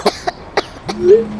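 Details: Acted cough from an Indonesian TV advert for an herbal cough remedy: several short, dry coughs followed by a drawn-out voiced groan.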